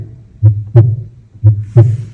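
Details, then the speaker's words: Cardiovascular examination demonstration, auscultation at the pulmonary point, where S2 is louder than S1 due to closure of the pulmonary valve: normal heart sounds at the pulmonary area. "pulmonary point here also is too louder because closure of the same wall."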